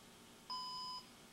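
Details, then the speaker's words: Single half-second electronic beep over quiet room noise: Sigma infusion pump alarm after tubing is pulled from the upstream occlusion sensor and roller clamp removed from its holder, rest of set left in, pump powered on. "fixed 21 alarm displays when the operator pulls the tubing out of the upstream occlusion sensor and the roller clamp out of its holder but leaves the rest of the set in the pump and turns the pump off at power on in this condition"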